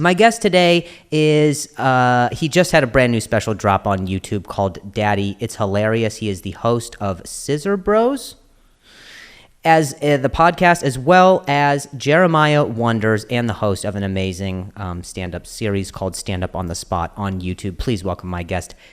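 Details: Stuttering in an adult male comedian known for his stutter, in spontaneous conversational podcast speech with word and phrase repetitions.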